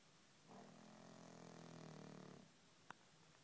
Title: Chewie Snoring